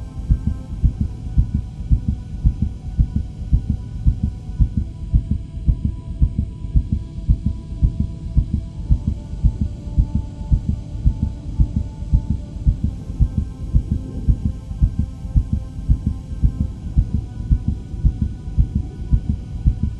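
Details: Mother's heartbeat sound for baby sleep, with white noise: steady, regular low heartbeat thumps at about 110 a minute over a soft constant hiss and hum; normal heartbeat.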